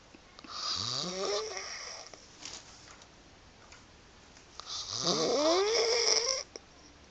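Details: Woman with chronic snoring and loose, fluttering lips during sleep: two loud, rattling snores with a lip-flapping quality on each breath, separated by quiet pauses.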